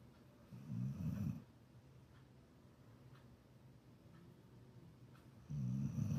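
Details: Support dog (female) snoring: two loud rumbling snores about five seconds apart with quiet breathing between them; ordinary snoring.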